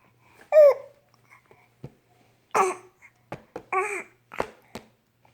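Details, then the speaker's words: Short, abrupt catches of breath at irregular intervals between baby babbling and small voiced sounds; an infant with recurring hiccups. "Got the hiccups again?"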